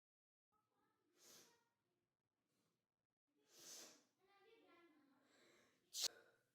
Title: A sneeze away…#sneeze